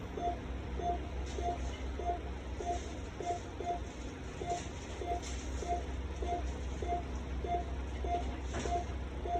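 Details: Endotracheal suctioning on a mechanically ventilated patient: regular short device beeps over steady machine hum and hiss.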